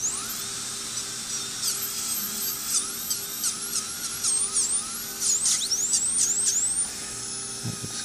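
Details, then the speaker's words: High-pitched whine of a dental handpiece in short bursts, pitch dipping under load, as a mushroom bur polishes a sharp spot beside the rubber band during lower 3-3 bonded lingual wire placement. "So, I'm now going to take a mushroom bur and just polish that little spot right there. Making it nice and smooth for the"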